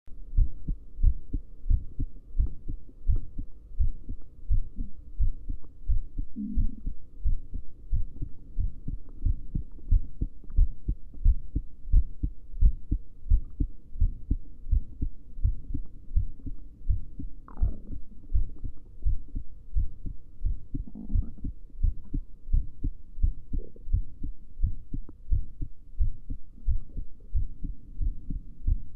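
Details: Female at rest before sleeping: steady, regular low heart thumps at about 87 beats per minute; normal heart sounds.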